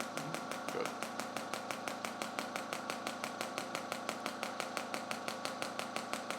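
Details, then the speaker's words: Radial shockwave therapy started at a low setting on the adductor magnus/medial hamstring area for front hip pain, felt as tolerable but sore: steady rapid clicking pulses, about three per second. "we don't want to get too much of this perfect how's that yeah tolerable tolerable but sore correct"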